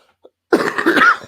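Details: A single harsh adult cough burst after a faint click, picked up by a podcast microphone in a small room.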